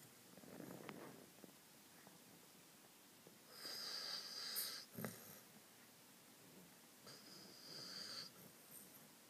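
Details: Sleeping cocker spaniel snoring: slow breaths with two long, hissing, rattly noisy breaths standing out over quiet room noise.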